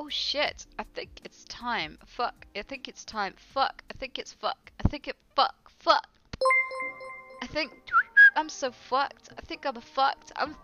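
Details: Adult female with Tourette syndrome, speech repeatedly interrupted by involuntary swearing vocal tics: vocal tics with coprolalia (Tourette syndrome)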